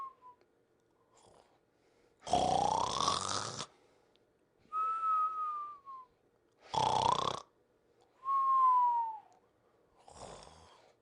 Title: The Pink Panther Snoring and Whistling (59 seconds version)